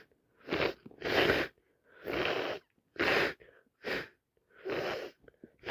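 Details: Person with a common cold on day 3, caught from a cousin, unable to stop sneezing: six forceful wet sneezes in quick succession, some with a brief inward breath before; repeated wet cold sneezing.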